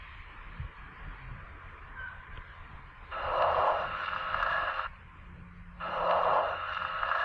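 Soft rustling inspirations with barely audible expiration: normal vesicular breath sounds at about 22 breaths a minute.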